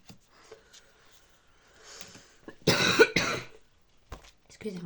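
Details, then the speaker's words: Adult woman who says she is falling ill gives two quick, forceful coughs back to back between soft speech in a quiet room while presenting tarot and oracle cards; cough. "J'arrête de parler. Peut-être que j'arrêterai de tousser comme ça."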